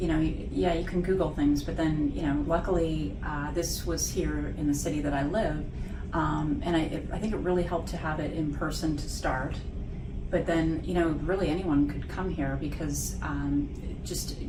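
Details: Adult woman speaking; ordinary fluent speech.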